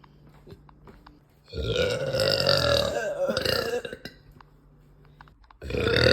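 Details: Woman, bloated and gassy, burping uncontrollably after eating: two long, loud, rumbling belches separated by a quiet pause; repeated burping.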